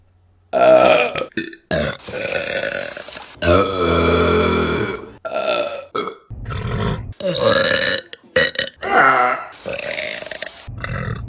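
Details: Burping compilation: a rapid series of loud, voiced burps of varying length, some drawn out and rumbling; repeated belching.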